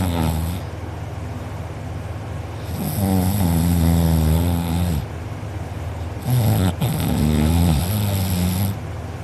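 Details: Asleep with mouth open; sister recorded. Loud, harsh, rattling snores with quieter breaths between; afterwards uvula and soft palate sore, drooling. Heavy snoring, attributed to soft palate vibration.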